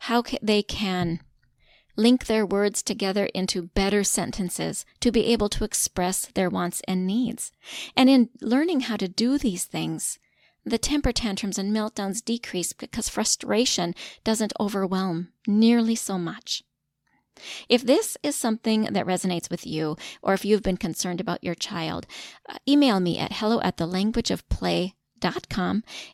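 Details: Adult woman speaking; typical speech.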